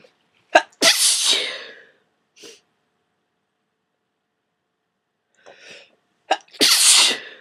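Two forceful sneezes, each with a quick in-breath and explosive burst, separated by several seconds; repeated sneezing with a cold.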